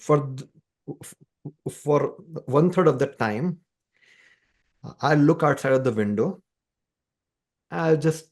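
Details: Adult man described as a person who stammers, speaking conversationally; stuttering (stammering).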